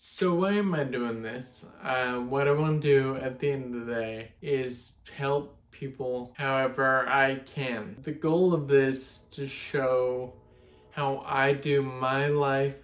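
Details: 32-year-old man with Friedreich's ataxia, a genetic degenerative neuromuscular disorder, speech affected since his mid-20s: ataxic dysarthria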